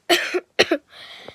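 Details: Child coughing with a hoarse voice during a haul video: two quick cough bursts, each with a short trailing catch, then quiet room noise.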